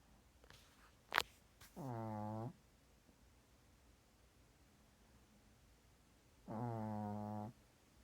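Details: Snoring from a sleeping cat: two buzzing, voiced breath sounds about five seconds apart, each close to a second long, in a quiet room.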